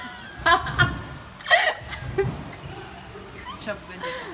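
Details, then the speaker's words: Girl with hiccups: several abrupt voiced hiccup sounds, some with squeaky catches, mixed with giggling and Russian background talk. "Зачем ты себя икнула? Ты какая соло, Шрек. Я буду снимать, когда икает."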